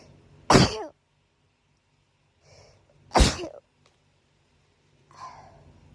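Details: Person woken in the middle of the night by hay fever sneezing gives two loud, explosive sneezes a few seconds apart, each followed by a quiet breath in; audio only.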